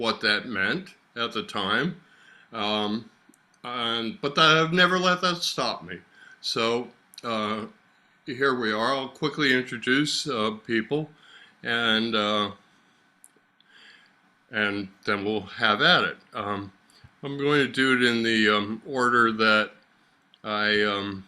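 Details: Adult man with aphasia after a stroke about 3 years earlier, slowly improving, attending six therapy lessons a week; aphasia.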